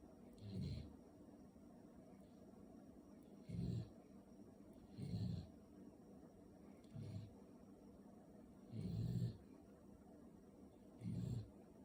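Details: Sleeping puppy snoring: soft, regular rumbling snores, about six in twelve seconds, against quiet room noise.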